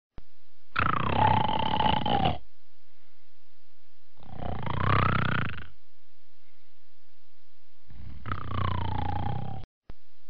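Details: Snoring while napping: three long, low, rumbling snores on breathing in, about 16 breaths a minute, steady during sleep.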